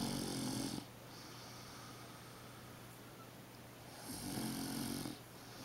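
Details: Grandmother, who claims she doesn't snore, napping beside a 3½-month-old infant: two droning snores about four seconds apart, roughly fifteen breaths a minute, over steady room hiss; snoring.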